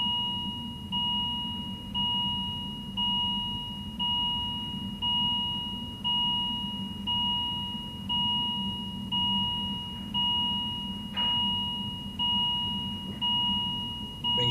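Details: Steady repeating two-tone electronic alarm, about one per second, over room hum, played as a quiz on which patient problem it signals (listeners guessed low oxygen); patient monitor alarm.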